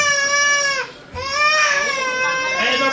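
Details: Infant being examined by a doctor, crying loudly in strained, sustained bursts with brief pauses for breath; crying like this prevents listening to the chest. The chest was later found clear.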